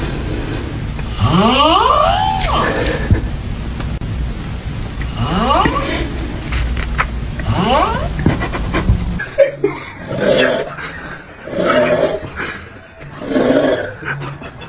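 Loud, rising, rasping snores over steady room noise, then a quieter run of rhythmic snoring breaths.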